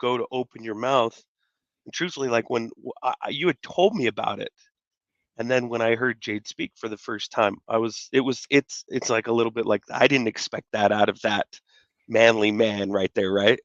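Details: Adult male speaker; normal speech.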